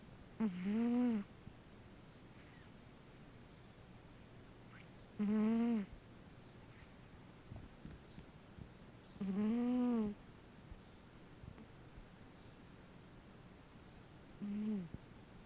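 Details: Sleeping cat snoring: four short, tonal, whistling-buzzy snores, spaced irregularly at about 13 a minute.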